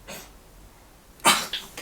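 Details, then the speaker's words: A dog gives a couple of harsh, hacking coughs right after a big drink of water, coughing some of it up: cough. "Apologies if you hear that coughing. My dog just had a big drink of water and is coughing it up a little bit."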